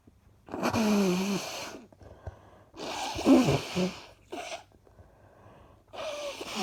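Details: Adult who is feeling unwell with an ongoing cough: four harsh, noisy coughing bursts with voiced edges, separated by quiet gaps.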